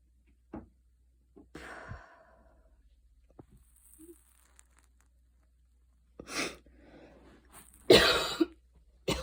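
A few light coughs and throat clearing with quiet breathing between: mild cough after hard exercise.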